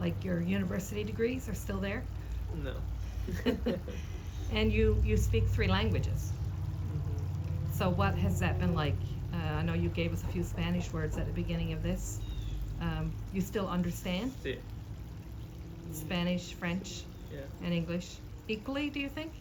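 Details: Adult interviewer; normal speech.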